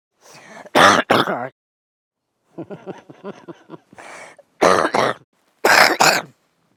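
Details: Sleeping man coughing: several harsh, throaty coughs and throat clears, with a run of short grunting bursts between them.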